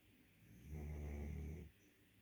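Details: Snoring dog, Thea: a single low, rumbling snore lasting about a second while sleeping, quiet room noise around it.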